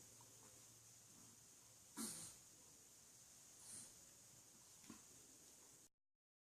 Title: Maizy - Funny dog sneeze